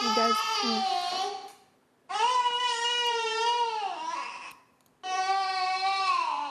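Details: Infant pain cry (gas/colic).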